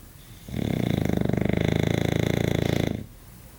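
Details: English bulldog sleeping: one long, loud, rattling snore with a fast fluttering buzz, like a pig's grunt; snoring.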